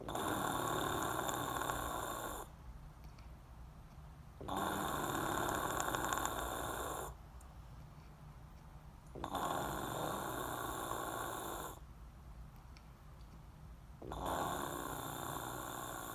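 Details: Person sleeping deeply with fluttering cheeks and lips: four loud, harsh fluttering snores, each two to three seconds, evenly spaced at roughly 15 breaths a minute.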